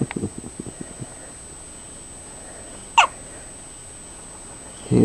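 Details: Newborn baby with hiccups: soft clicking sounds, then one sharp hiccup-like burst over a steady high-pitched background tone.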